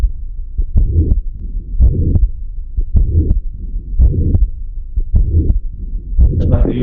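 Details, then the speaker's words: Pediatric auscultation, ventricular septal defect: holosystolic regurgitant murmur beginning immediately after the first heart sound at roughly constant intensity; muscular defects may end earlier as they close during systole. "Esos son los soplos de revolcitación. Soplos sistólicos de revolucitación."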